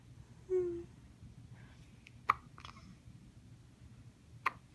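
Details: Hiccups: a few brief, sharp, clicking gulps spaced seconds apart in a quiet room, with a short vocal sound at the start.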